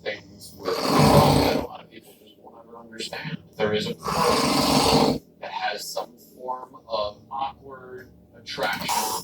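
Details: Adult man snoring while asleep: two loud, rough, rattling snores with softer voiced grunts and murmurs between them.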